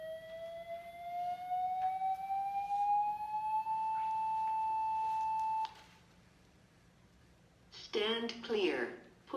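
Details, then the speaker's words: AED training: a rising electronic charging tone climbs, then holds a steady pitch before a voice prompt, signalling the defibrillator is charged and ready to shock after analysis advised a shock. "so once this continues loading you're gonna hear it start to go bbbbb that means it's ready to shop"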